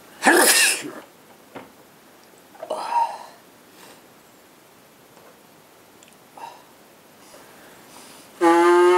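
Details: Two sharp, explosive sneezes from a couple with quieter sniffs between them, and the start of a nose blow at the end.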